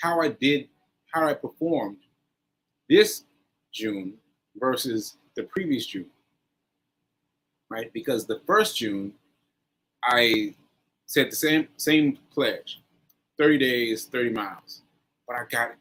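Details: Post-stroke aphasia in an adult man, stroke on 7/14/22, recorded 7/4/23 about a year into recovery; he says aphasia still makes everyday tasks difficult; aphasia.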